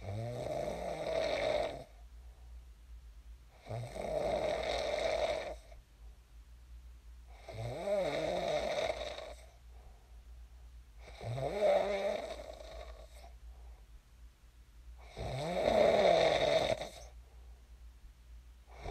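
Five loud, rough, vibrating snores, about 16 breaths a minute, separated by quieter breathing. Heavy sleep snoring.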